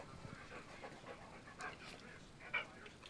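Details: Dog that opens a cabinet to get food, later burping: soft, quick breaths with a faint whimper; panting.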